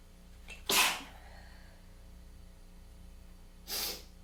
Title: Tickly, congested weather change sneezing fit